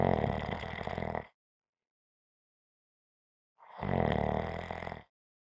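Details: ASMR relaxation recording: two long, rough, rattling breath sounds separated by a silent gap. Snoring.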